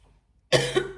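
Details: A single abrupt cough from an adult with a still slightly hoarse voice, after a moment of near silence.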